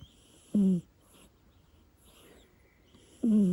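Two short, loud, tonal snoring sounds on inhalation about 2.7 seconds apart, with quieter breathing between: snoring in a sleeping cat.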